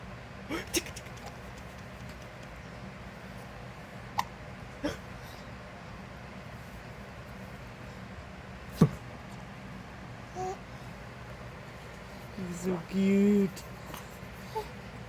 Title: Kicky Legs, Giggles, and Hiccups!